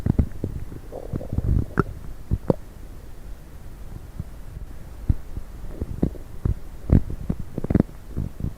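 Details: Stomach rumbling (borborygmi) after drinking coffee and diet coke.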